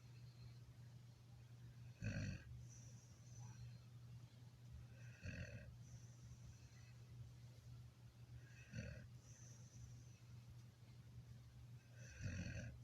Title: Snoring Dog